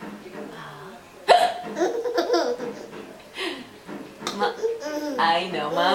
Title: gets the giggles when mommy has the hiccups